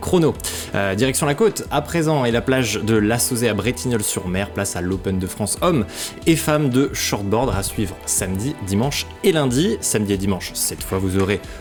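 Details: Adult male speaker; normal speech.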